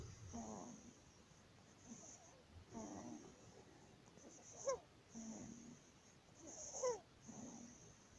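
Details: 19-day-old baby with laryngomalacia: noisy, harsh squeaky breathing about 28 times a minute with a rough vibrating tone on breaths in; inspiratory stridor.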